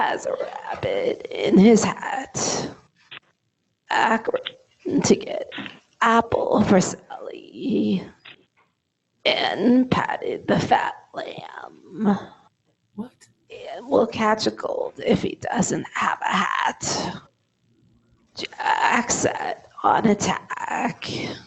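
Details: Adult patient reading aloud; adductor spasmodic dysphonia.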